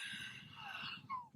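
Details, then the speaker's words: Man with COPD, congestive heart failure with fluid, and diabetes, wheezing at rest with difficulty breathing; noisy breathing with thin whistling tones and a short high-pitched wheeze. "I'm just sitting here resting at rest and um wheezing and having trouble breathing"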